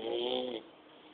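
A single brief rattling, buzzing snore lasting about half a second, then quiet room noise.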